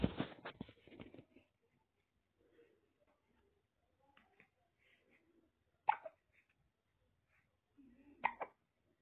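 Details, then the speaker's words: Baby too small to drink water has hiccups: after brief fussing, a few soft, abrupt catches spaced several seconds apart in a quiet room; breastfeeding is said to stop them; infant hiccups. "If your baby is having hiccups that won't stop, what you do is you have to breastfeed your child."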